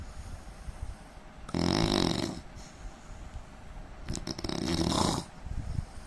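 Two long, loud, rattling snores on the in-breath, separated by quiet breathing; snoring.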